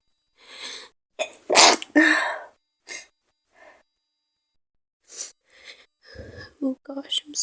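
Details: Acted sneezing by a woman who says she has a fever and is sick: two forceful sneezes amid soft apologetic talk about not wanting her partner to catch it.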